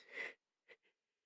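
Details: A single forceful, hissing sneeze burst, followed by two brief, quieter breathy after-sounds, during a sneezing fit triggered by dust.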